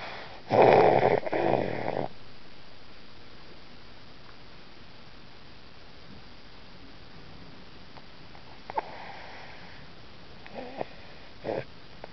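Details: One loud, rough, snorting snore at the start, then faint breathy snuffles against a steady room hiss; snoring.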